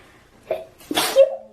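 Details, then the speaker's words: A big sneeze from a girl, possibly allergy- or sinus-related, followed by exclamations. "bless you that was a big one oh gosh oh no oh no"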